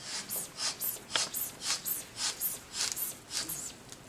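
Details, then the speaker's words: Hand bulb squeezed about twice a second, rhythmic airy puffs, inflating blood pressure cuff to 150 mmHg while LabQuest records; blood pressure cuff inflation. "I'm going to pump until I see 150 millimeters of mercury then I'll stop pumping"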